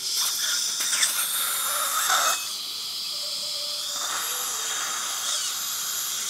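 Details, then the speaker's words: High-pitched whirring of a dental surgical drill with a drill extender and hissing water spray, pitch shifting, during mini implant placement right after extraction of decayed teeth #12 and #14. "you'll notice I'm using the drill extender turn toward me real big"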